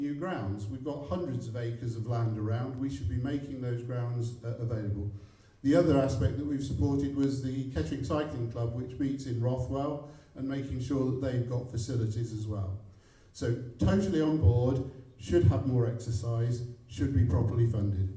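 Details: Adult man; no speech disorder.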